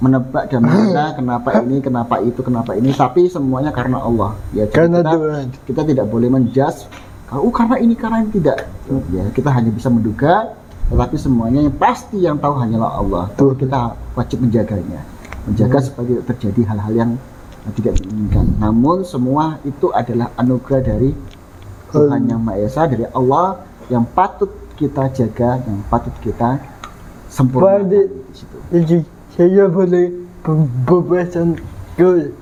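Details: Adult man; typical speech.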